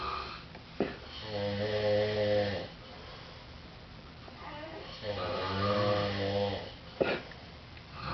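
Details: Two men asleep in a living room snoring in alternation, each with a different snore and breathing pattern: slow, rattling, low-pitched inspiratory snores, about 15 breaths a minute, quiet pauses between.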